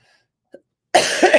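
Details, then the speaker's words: Adult in a live stream who has an ongoing cough that cannot be controlled, coughing and hacking, with breathing noise audible on inhaling; considering returning to the doctor. "and I am going to continue to cough and hack. So, to the person who said she found it disgusting, please don't come into my live. You can just scamper away because I can't control it."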